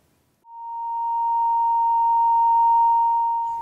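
A steady high-pitched tone fades in after a brief silence and holds, simulating the ringing of tinnitus.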